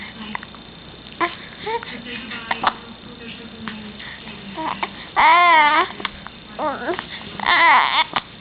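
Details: Baby boy fussing and babbling with short wavering cries and brief sharp hiccup catches while being coaxed to smile for the camera; infant hiccups.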